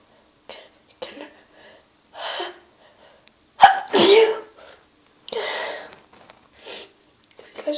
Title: Wet sneezes, + nose blows